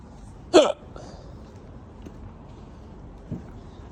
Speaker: Let's wait for another hiccup. It's pretty decent.